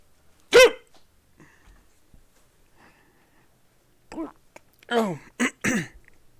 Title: Had Hiccups While Watching the Weather (Full Recording)